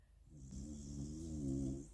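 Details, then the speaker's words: A sleeping dog, Molly, snores loudly in a motorhome: one long, low, rattling, buzzing breath in quiet surroundings. "Molly is absolutely snoring her little head off. I have to sleep with that."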